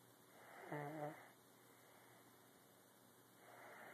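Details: One quiet, light snore with a brief buzzing tone over steady room noise; said to snore like Grandpa.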